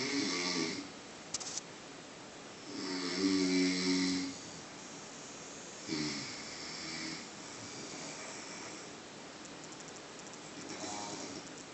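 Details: Two sleepers snoring together: loud, rough snores at irregular intervals, some overlapping.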